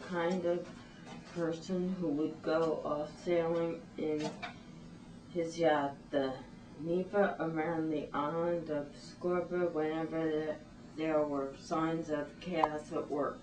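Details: Patient with spinocerebellar ataxia type 6 (cerebellar ataxia) reading a passage aloud during a neurological examination; ataxic dysarthria.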